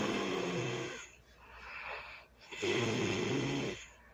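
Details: Loud snoring during early Sunday morning sleep: two loud, rattling snores with a softer breath between them.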